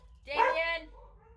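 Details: Single short, loud bark-like yelp from an adult with Tourette syndrome: a vocal tic; service dog nearby.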